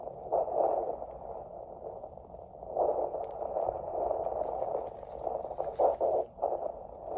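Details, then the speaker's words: Fetal heart tones on handheld Doppler at 27 weeks of pregnancy, ASMR prenatal-visit roleplay: muffled whooshing pulses with probe rubbing noise, averaging in the 160s, within normal limits. "Heart tones are within normal limits. They are averaging in the 160s today."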